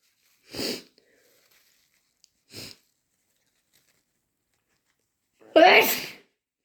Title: Intense chhinkni sneezes and wet nose blows